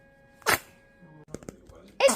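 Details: Two brief, sharp sneezes from a baby, separated by quiet with faint clicks; an ordinary sneeze reflex.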